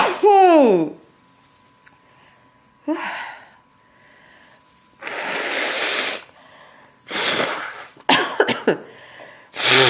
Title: Sneezing into a handkerchief